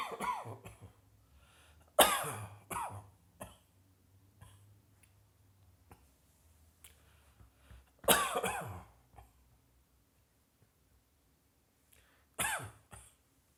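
Several sharp, harsh cough bursts in small clusters with pauses between, some followed by throat clearing; a repeated cough.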